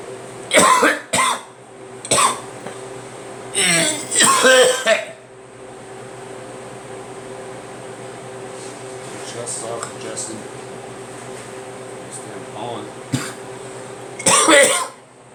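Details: Person coughing: several short, harsh cough bursts, some in quick pairs, over a steady electrical hum in a small room.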